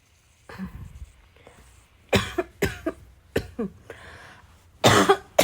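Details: Coughing fit with throat clearing: about six repeated harsh coughs mixed with throat clearing; the person says their chest really needed a good coughing fit.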